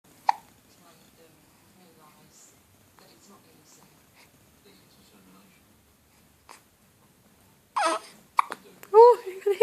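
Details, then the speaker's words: Four-day-old newborn trying to sleep: soft, brief hiccup bursts in a quiet room, then louder fussy cries toward the end; infant hiccups. "Oh, you got the hiccups. Oh no."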